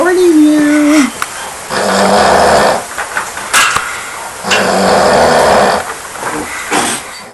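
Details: Two loud rumbling snores over about seven seconds from an adult man asleep at 3 a.m. at a camp, snoring so loud the walls shake; a brief voice at the start.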